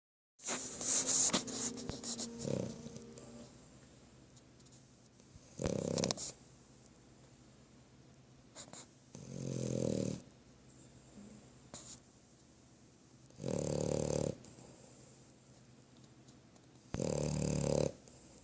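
Four loud rough noisy bursts several seconds apart over quiet room noise, consistent with snoring.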